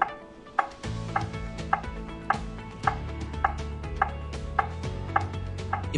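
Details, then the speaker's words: ZOLL AED 3 CPR metronome tone in a demonstration after "no shock advised, start CPR": steady beeps at about 105 a minute over a low hum, pacing chest compressions. "no shock advised start CPR push to match the tone the bar gauge shows each compression in real time"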